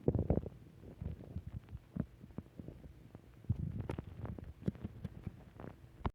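Low gurgling rumbles and irregular soft pops and bubbling, typical of ordinary stomach growling from gas and fluid moving through the gut.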